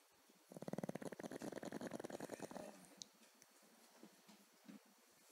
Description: Our pugly dog snoring on her back.^_^